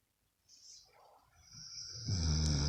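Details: Adult woman snoring at night: quiet breathing builds into a loud, low, rattling snore on the in-breath, a heavy vibrating upper-airway sound.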